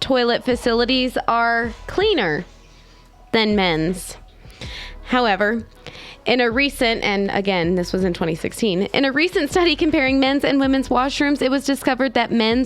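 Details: Adult speaker; normal voice.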